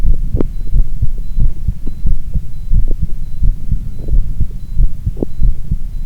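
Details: Heart sounds recorded alongside an ECG: steady low thumping heartbeat with a soft hum underneath; ordinary heart sounds.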